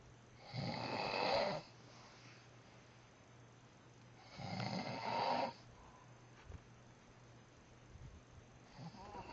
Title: Snoring Gone Wild